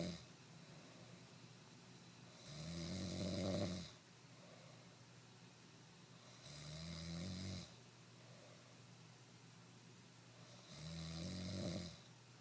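Three loud, rough, vibrating snores on the in-breath, about 16 breaths a minute, with quiet breathing between them.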